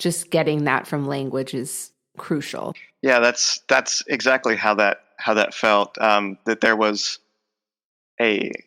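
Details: Adult male speech professor with lifelong stuttering involving blocks, repetitions and covert stuttering; the stutter is emerging during the conversation; finding: stuttering.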